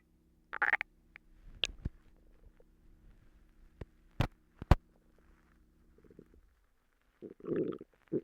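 Gurgling, squeaky and popping bowel sounds with a low steady hum in the background; ordinary stomach rumbling.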